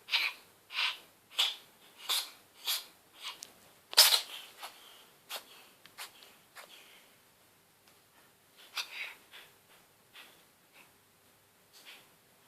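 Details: Cat sneezing constantly during a cold lasting a few days (later recovered): a rapid run of about twenty short, sharp nasal bursts, loud at first then fading.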